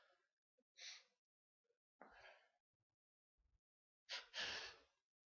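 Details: An adult, after about 40 minutes of waiting, gives several sharp, breathy sneezes with gasping intakes between them in a quiet room; a sneezing bout.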